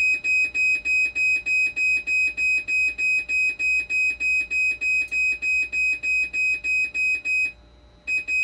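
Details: Rapid, regular high-pitched electronic beeping, about 200 a minute, briefly pausing near the end: a hemodialysis machine alarm during repair of conductivity, 12-volt and BP cuff faults.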